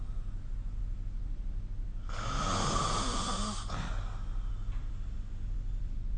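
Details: Single rough, rattling snore on one in-breath during sleep, recorded with the SnoreLab phone app, over steady low room hum.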